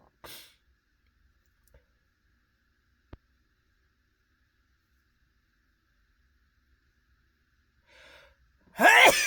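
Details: Adult male sneezing while sitting in a car after dinner at a restaurant: mostly quiet car interior, a short inhaled catch, then one sharp, loud sneeze burst.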